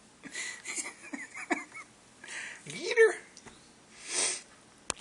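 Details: Quiet sniffs and room sounds, then one sharp, breathy burst of air out through the nose, a sneeze.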